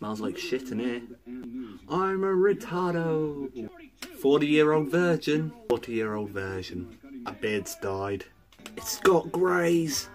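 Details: Adult man; Tourette syndrome vocal tics.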